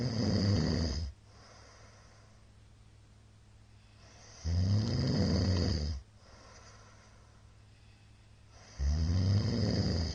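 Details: Middle-aged man's loud, deep rattling snores on each in-breath, about three in ten seconds, with quiet exhalations between during sleep, recorded 21 March 2022; heavy snoring.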